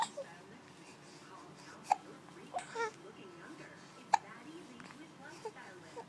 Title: Mean hiccups